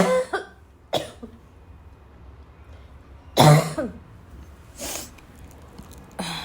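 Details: Afternoon coughing fit in a girl, starting weak and growing violent: several sharp, forceful cough bursts with throat clearing between, in quiet room noise.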